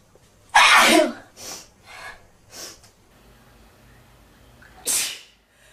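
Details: Male sneezing: one loud explosive sneeze, a few softer sniffs or breaths, then a second sharp sneeze near the end; ordinary sneezing.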